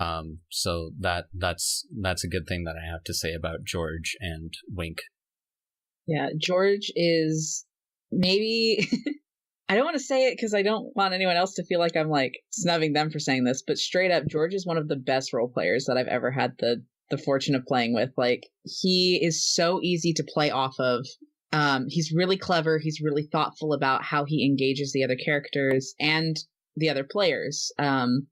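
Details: Speech of a person who says they stutter and that it is sometimes audible in the recording; stuttering.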